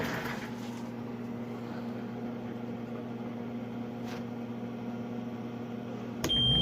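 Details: Oxygen concentrator used for lampworking, running after its internal filter was replaced because it kept cutting out: steady low motor hum with faint whir, ending in a short electronic beep and click.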